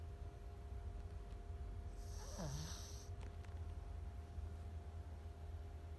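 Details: Senior pug sleeping: a single snorting, rattly snore over steady low room noise.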